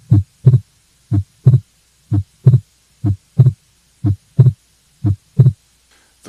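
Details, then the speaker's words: Fixed split S2 from an atrial septal defect, where increased right-sided flow delays pulmonic closure: regular heart sounds near 60/min with a widened second sound. "and i've got an example of a fixed split second heart sound which i'll play for you now"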